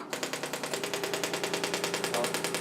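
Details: Rapid, regular mechanical tapping like a fast pneumatic hammer from a shockwave therapy applicator demonstrated on the thigh; treatment for chronic tendinitis and calcifications.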